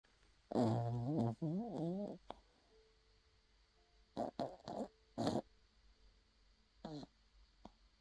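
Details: Loud, irregular, human-like snorting snores with rough nasal vibration and quiet gaps between bursts, from a 6-month-old puppy described as a heavy snorer.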